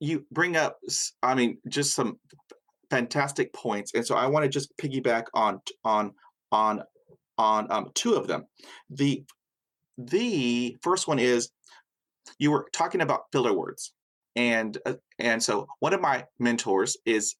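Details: Man with persistent stutter acquired at age five after a dog attack, initially severe; a broken word is heard; stuttering.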